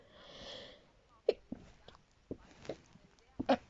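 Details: A single breathy, hissing sneeze from an adult during an ongoing sneezing fit, followed by a few faint clicks and short sounds in a quiet room.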